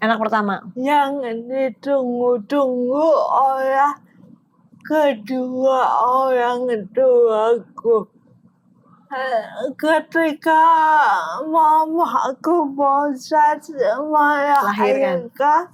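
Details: Young adult woman born in 1998 with oxygen deprivation, diagnosed at age 1 with cerebral palsy, a brain-damage motor disorder affecting gross and fine motor skills; has had speech therapy; dysarthria in cerebral palsy.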